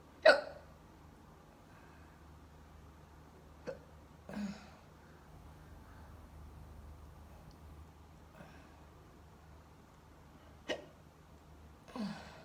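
Six short, sharp gulping hiccups over about twelve seconds in a quiet room, roughly one every two seconds.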